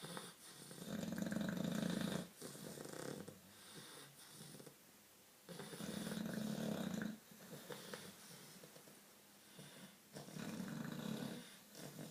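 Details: English bulldogs sleeping: loud, rough snores in regular cycles, about 15 a minute, each a long rattling inhalation then quieter exhalation; heavy dog snoring.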